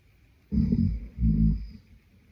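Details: Adult man snoring in sleep: two low, rumbling, vibrating snores.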